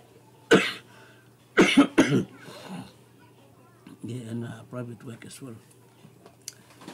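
Three harsh coughs, the last two close together, followed by a short throat-clearing sound; a lingering cough during recovery from a suspected Covid-19 illness.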